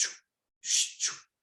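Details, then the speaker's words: Vocal imitation of the normal radial artery sound heard on blind (continuous-wave) Doppler, illustrating the audible Doppler signal over the radial artery. "ese sonido me familiarizaba con la arteria y en el casete que yo les comento tiene capítulos de cómo se escucha el doppler ciego o el doppler continuo en este caso también pulsado ya porque es un sonido audible por el oído humano"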